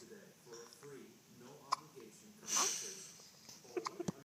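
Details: Hiccups in the speaker's nephew: several short, sharp catches and one louder gulping burst over background talk.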